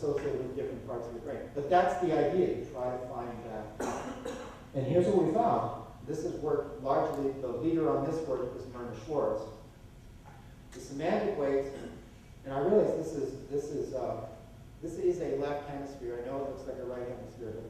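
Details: Adult male lecturer; typical speech.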